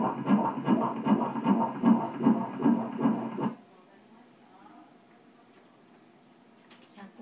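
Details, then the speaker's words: Fetal heartbeat on Doppler at 34 weeks of pregnancy, female fetus about 2 kg: rapid, regular whooshing beats at 144 a minute, a normal rate, with a four-chambered heart moving well. "144回ですね。心臓も1、2、3、4つですね。しっかりと動いています。"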